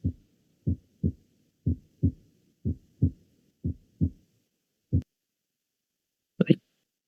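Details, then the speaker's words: Heart auscultation teaching recording with a stethoscope: the two normal heart sounds, first and second, played for identification; normal S1 and S2. "Y bueno pues ahí están los dos"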